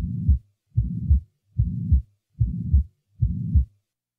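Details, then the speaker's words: Regular heartbeat near 73 a minute with a pansystolic (holosystolic) murmur of even intensity, beginning with the first heart sound and ending with the second, filling all of systole; pansystolic murmur. "the murmur is continuous throughout systole the following recording will introduce a pansystolic murmur having an even intensity throughout systole"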